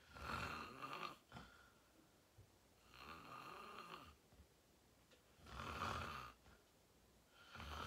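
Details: Sleeping person recorded for an ASMR sleep video, reported as deep REM sleep: loud, rough, rattling snores, about four cycles in eight seconds (roughly 30 a minute).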